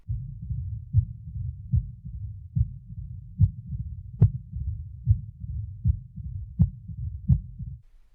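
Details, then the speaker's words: Low-pitched heart sounds with a rumbling mid-diastolic murmur starting shortly after S2, possibly after an opening snap: mid-diastolic murmur of mitral stenosis, teaching recording. "a mid diastolic murmur as in mitral stenosis starts a short time after s2 and may follow an opening snap"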